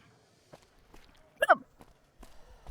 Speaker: holy crap. I got weird hiccups. I apologize.